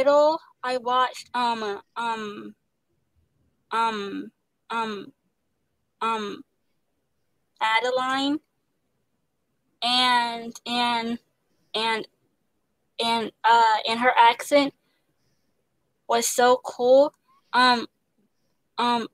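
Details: Young woman who stutters, an actress, singer and dancer, in speech therapy; her stutter involves pauses, switching words and restarting; stuttering.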